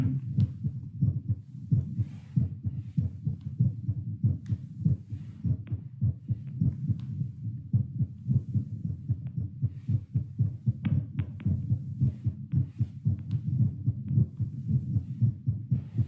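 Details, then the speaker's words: Own heartbeat through a Littmann CORE stethoscope, seated after talking, rapid steady low thumps; pulse oximeter about 96, settling toward 88 with arm raised: normal heart sounds, fast rate with exertion. "So going again, we'll go baseline for a little bit because now I'm at 96 because talking is so exhausting, apparently."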